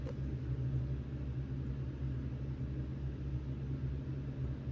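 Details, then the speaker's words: Adult man's own mechanical heart valve: faint, sharp, regular metronomic ticks at about 65 a minute over a low room rumble, heard while he sits writing; mechanical heart valve clicks. "So uh let's see the metronomic sound you hear, that's my heartbeat."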